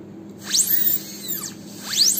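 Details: Live root canal treatment of a posterior tooth: high-pitched whine of a dental drill rising and falling as it spins up and down during access opening, before canal finding with a DG16 explorer.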